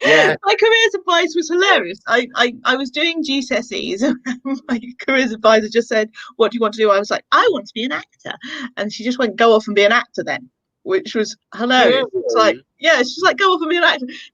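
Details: Adult speaker; Normal speech.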